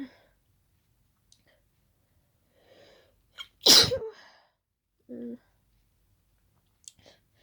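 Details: A single loud, wet sneeze with soft sniffing and snorting before and after, triggered by closely smelling daisies; allergic sneezing.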